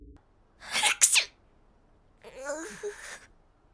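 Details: One of an assortment of normal and sick sneezes: a sharp two-part sneeze burst, a quiet pause, then a softer sniff-like vocal sound; sneezing.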